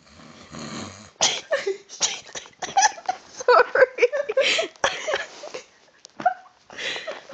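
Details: Person snoring while someone plugs their nose: irregular snorts and choked, gasping breath bursts as nasal airflow is blocked, interrupting the snoring.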